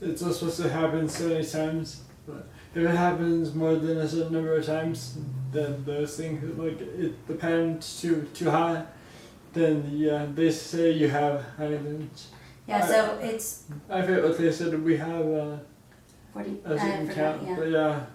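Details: Man diagnosed with Huntington's disease (chorea) 10 years ago; his wife works on his speech, and his speech declines if he doesn't run; dysarthria (Huntington's disease).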